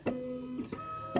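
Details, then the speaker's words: Vetronic Merlin small-animal ventilator in pressure-cycling mode: a hand mildly occludes the chest, the ventilator's tone changes as it delivers a much smaller tidal volume (about 140 mL) while peak pressure stays at 12, showing reduced chest compliance. "what we'll find is, and you hear the change in tone of the ventilator, we're giving it a much smaller volume."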